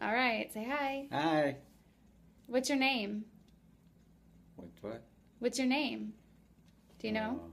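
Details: Adult female examiner; unaffected speaker.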